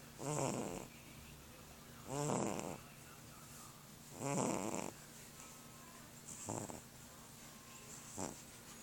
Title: Fat cat snoring